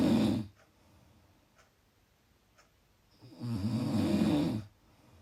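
Two loud, rough, rattling snores on breathing in, separated by quiet pauses: snoring from vibration of the soft tissues of the throat during sleep.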